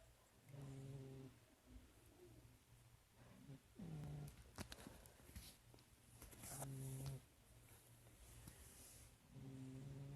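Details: Ordinary snoring: low, rumbling snores on each breath, about 20 a minute, with quieter whistling breaths between.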